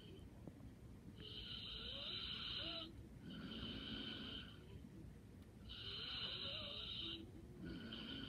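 Soft, high, whistling snores on both breathing in and out, about 27 breaths a minute: light snoring.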